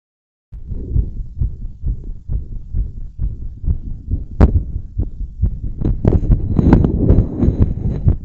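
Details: Fast, regular, pounding heartbeat around 136 a minute with later rubbing and movement noise, recorded after bouncing and blowing up a giant balloon; fast heartbeat after exertion.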